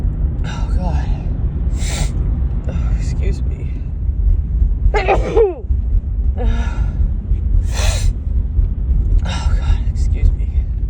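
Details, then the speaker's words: Woman's bout of several forceful, harsh sneezes with gasping intakes over heavy rumbling background noise, which she says are much harsher than her normal sneezes; she suspects a grass pollen allergy. "Oh God, so these are like way harsher than my normal sneezes."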